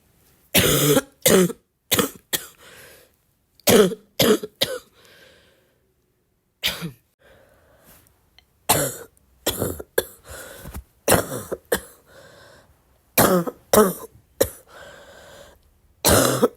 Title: my cough is getting wet